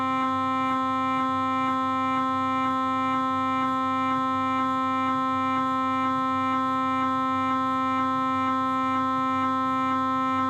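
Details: Knee MRI scan on a Philips 1.5T scanner during the shim and knee planning step: steady loud tones with regular rapid knocking, about two per second.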